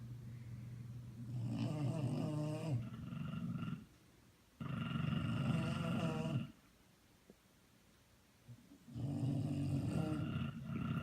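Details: Two sleeping Bulldogs snoring together: loud, rough, rattling snores in long bursts with quiet gaps between them; dog snoring.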